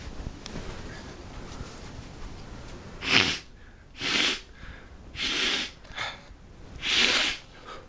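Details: Sneezing, in a sneeze tease: four short, breathy, hissing bursts about a second apart, like a run of small sneezes or sneeze-like snorts, with background hiss.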